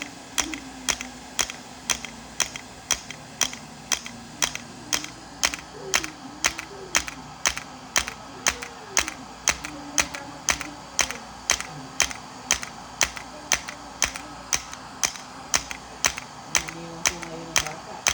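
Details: Sharp regular clicks about once a second with faint background music: integrative shockwave therapy at 3 Hz/90 mJ, 1,000 shocks, to the back of the knee (popliteal area) for posterior knee pain.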